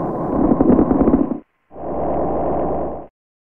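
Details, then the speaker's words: Coarse crackles on the SAM auscultation manikin with the stethoscope over the upper lung: simulated breath sounds with loud, bubbling, very coarse crackles, mostly during inspiration. "breath sounds are easy to hear with Sam place the stethoscope on the upper lung and listen to very coarse"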